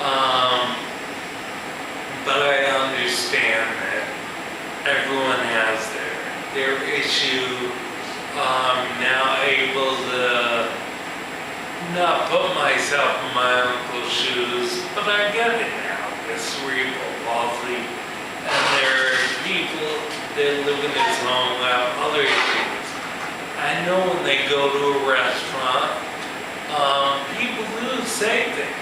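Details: Male musician with ataxia, a progressive neurological disorder in which cerebellar cells die, affecting his balance and speech; real ataxic dysarthria.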